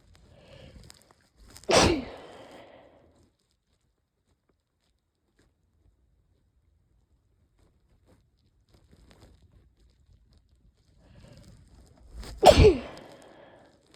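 Two forceful sneezes, each preceded by a brief catching inhalation, about ten seconds apart; sneezing with an oncoming cold.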